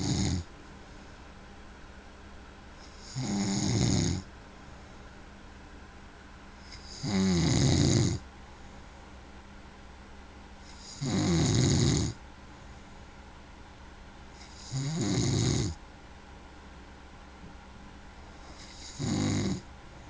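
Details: Loud, regular rattling snores about every four seconds, roughly 15 breaths per minute, with quiet pauses between; snoring.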